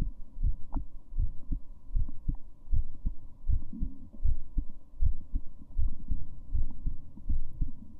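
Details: Female heartbeat: steady low paired thumps at about 79 beats a minute with a faint steady hum; a normal heartbeat.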